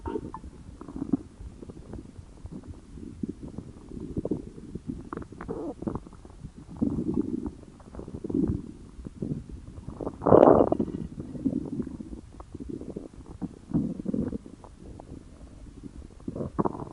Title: Stomach Growling